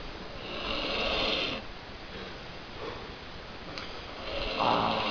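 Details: Loud snoring from a person with flu, some snores sounding like frogs.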